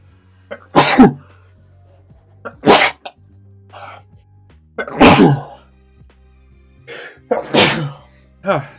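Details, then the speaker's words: Adult sneezes four times in quick succession, each burst preceded by a brief indrawn breath, over soft music; the person says they always sneeze three or four times. "I usually catch myself sneezing and I mute myself before you guys can hear it but unfortunately I wasn't able to there every time I sneeze it's always three or four times"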